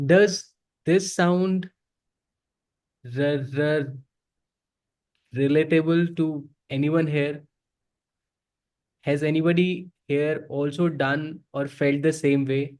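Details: Adult man who self-identifies as a person who stutters and says he is ashamed to stutter in front of people; real, unscripted speech showing stuttering.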